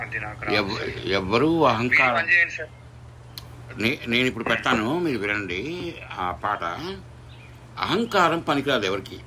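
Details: Adult male speaker; normal voice.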